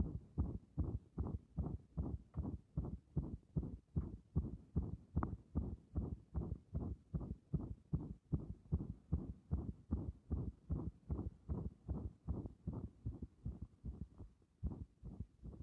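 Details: Heart sounds heard through a stethoscope pressed directly and firmly on the chest: regular, strong thumping beats at about 150 a minute.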